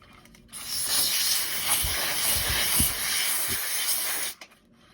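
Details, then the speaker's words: Steady hiss of oxygen flow for about four seconds as a Hamilton transport ventilator's oxygen hose is connected to the DISS connection of a portable oxygen tank; an expected normal sound. "So I just disconnect. And then I hook it onto the side of this oxygen tank that says DISS connection. And again, just like you do on the wall."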